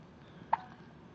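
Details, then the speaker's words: Hiccups from a baby boy who also had many hiccups in the womb. "you got some hiccups? You hiccuping? Hiccups. Oh, hiccups."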